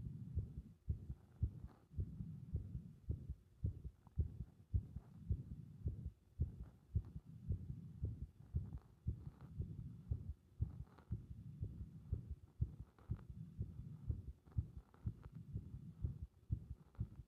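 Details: Muffled low thumping heartbeat at roughly 100 beats a minute with uneven spacing between beats; irregular heart rhythm.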